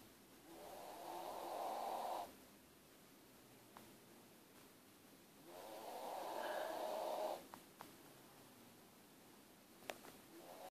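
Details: Sleeping dog snoring and roaring like an old steam train: two slow, rasping snores about 5 seconds apart, with quiet pauses between.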